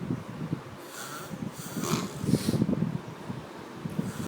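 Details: Very heavy snoring during deep sleep: loud, rough, rattling snores with snorting breaths, building to a heavy peak and then easing off.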